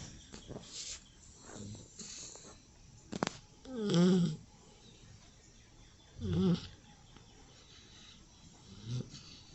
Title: 30 Seconds of a Rescue Puppy Snoring